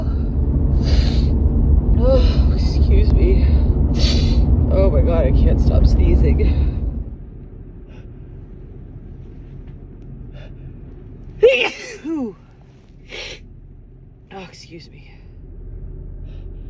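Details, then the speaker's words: Woman sneezing repeatedly on the drive home, attributed to dust: loud road rumble, then a few sharp bursts with vocal catches and gasps, a run of sneezes. "I'm gonna sneeze again. Oh. Oh, excuse me. Oh, excuse me. I have to sneeze again."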